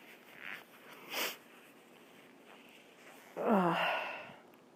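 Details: Person announcing a sneeze beforehand: a few quiet sniffing breaths, then a short voiced burst ending in a relieved exhaled sigh; sneeze.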